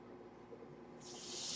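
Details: Mechanical ventilator breathing cycle heard behind a podcaster who notes the noise is his own ventilator: quiet room noise giving way to a rising, steady airy hiss as the ventilator pushes a breath.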